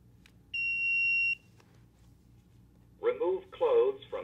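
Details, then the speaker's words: Philips AED in a school AED training video switched on by pressing its button: a steady high electronic tone just under a second, then the start of its recorded step-by-step voice guidance; AED power-on tone and voice prompt. "once the Philips AED arrives you'll open the AED and turn it on by pressing the button and once again the AED will walk you through step by step exactly what you have to do"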